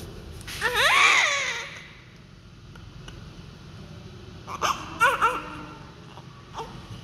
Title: all crying loudly 30 s newborn baby healthy and doctor take care it his mother very happy 😊😁